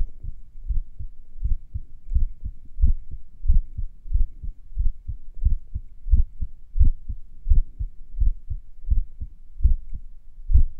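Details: Heart sounds a few minutes after morning exercise, during recovery: clear beats at about 86 per minute with pauses that vary from beat to beat; sinus arrhythmia.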